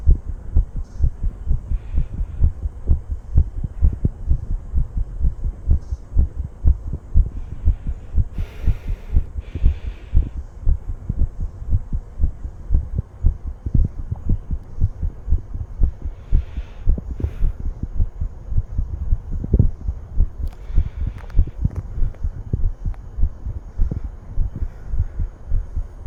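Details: Steady, regular low thumping of an adult's normal heartbeat, heard up close with faint rustling.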